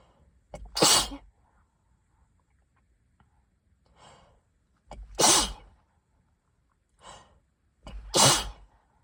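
Three sneezes, each with a quick intake of breath before a loud burst. Softer breaths fall between them in a quiet room.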